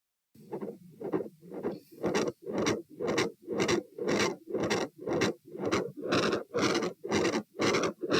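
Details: Heart sounds recorded at the aortic area (position A), standing and sitting, at 120 bpm: a rapid heartbeat with a very loud, harsh rushing murmur on each beat.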